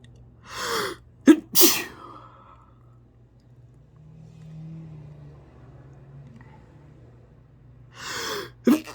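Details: Sneezing fit with spray: several sharp sneezes in quick succession, each preceded by a short indrawn breath, then a pause and one more sneeze.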